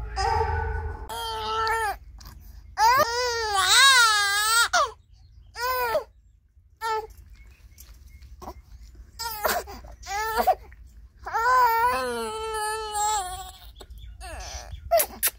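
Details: Newborn baby, about 15 days old, crying at first bath: loud, clear, rhythmic crying bursts with breaths and whimpers between; an ordinary healthy infant cry.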